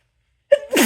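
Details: After a brief silence, a short voiced hitching catch in the breath gives way to a loud, forceful burst of air: a single sneeze in a series.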